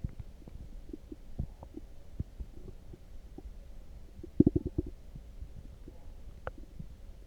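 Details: Stomach growling after drinking coffee: soft scattered gurgles with a brief louder bubbling burst midway; borborygmi, a normal digestive sound.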